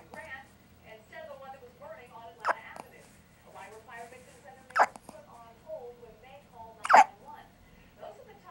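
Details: One-day-old baby girl with a hiccup episode lasting about 6 minutes: three sharp, abrupt hiccups about every two seconds, an adult talking softly between them; ordinary infant hiccups.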